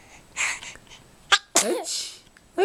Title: funny sneezing+sighing!